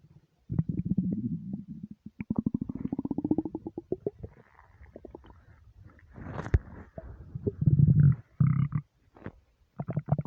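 Deep, drawn-out gurgling rumbles with bubbly pulses, coming in long runs. Ordinary stomach rumbling from an empty stomach, a normal sound.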